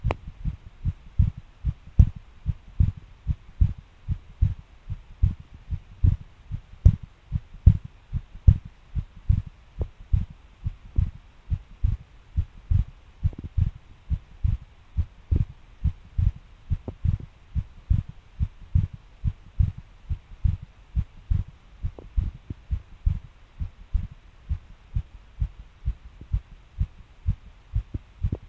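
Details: Heartbeat recorded while getting off, when the person suddenly felt the pace change and the heart began thumping hard: strong low thumps about 74 a minute with uneven spacing; irregular heartbeat (palpitations).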